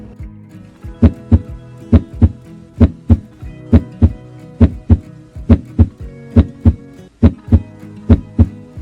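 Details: Regular paired heart sounds at about 68 beats a minute over a soft musical background hum, played as an example in a cardiac examination lesson: heart sounds.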